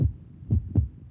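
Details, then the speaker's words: Adult heartbeat recorded through a stethoscope, the speaker's own heart: low, soft lub-dub thumps; normal heart sounds. "Classically, doctors use stethoscopes to listen to the sounds made by their patients' hearts. That's my heart right there."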